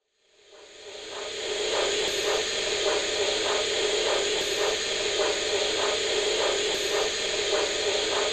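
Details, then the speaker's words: Anesthetized pet, Doppler transducer placed by a veterinary technician over a limb artery: steady whooshing arterial pulse sounds over loud hiss, roughly 100–110 a minute; blood-flow signal for anesthesia blood-pressure monitoring. "Doppler blood pressure monitoring involves remarkably simple equipment and techniques which one applied to your anesthetized pet provides gold standard monitoring of his or her cardiovascular status"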